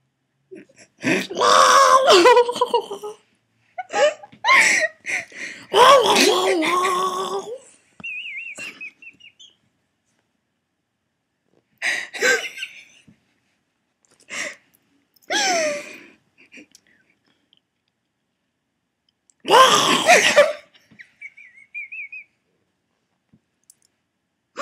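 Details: Person who wheezes when laughing really hard: hard bursts of laughter followed by thin, high-pitched whistling breaths: wheezing brought on by laughter.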